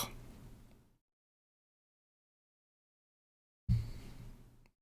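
Two short bursts of low, rumbling gurgle separated by silence: stomach growling from ordinary gut activity.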